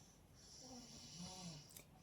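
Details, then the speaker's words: Household members snoring after midnight on a winter night, heard faintly in a quiet room: low rumbling snore rising and fading over a steady background hiss. "আপনারা আশা করি একটু মনোযোগ দিয়ে শুনলেই শুনতে পাবেন নাক ডাকার শব্দ। কারণ বাড়ির প্রত্যেকেই কিন্তু ঘুমিয়ে পড়েছে অনেক আগে।"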